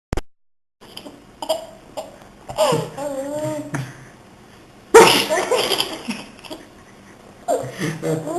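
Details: Fake (deliberate) sneeze from someone who finds it amusing, December 2008: a sharp sneeze burst with small sniffs and catches before it, followed by giggling and laughter.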